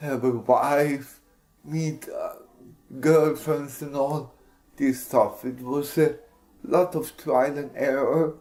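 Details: Speech of an adult man with cerebral palsy (CP injury); possible dysarthria, no specific speech disorder named.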